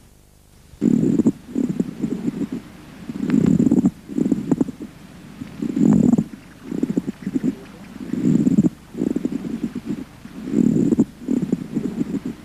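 Harsh, creaking, grating bursts come in pairs with each breath in and out, about 24 breaths a minute: a pleural friction rub.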